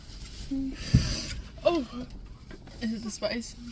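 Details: Sudden, sharp voiced catches recurring a few times in quick succession in a car after eating spicy fast food that burned the throat: an attack of hiccups.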